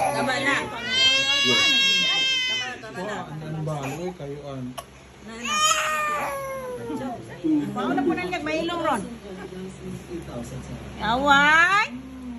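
Several rising and falling wailing cries from an infant, with pauses and background voices and room noise; ordinary infant crying.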